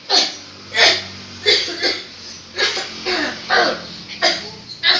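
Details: Repeated dry-sounding cough: about eight breathy, hacking coughs spaced under a second apart, each a short rough burst trailing off.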